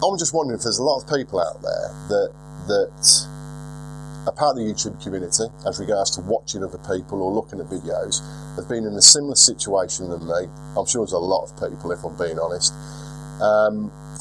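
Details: Lifelong stuttering in a 42-year-old man, much milder than 4 or 5 years ago but with occasional stutters, worse in stressful situations; unedited recording.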